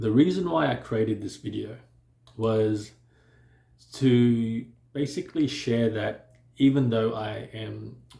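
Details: Adult man who stutters, mainly on words starting with I, S and H; says he is now fairly fluent but still has moments of stuttering or blocking; stuttering.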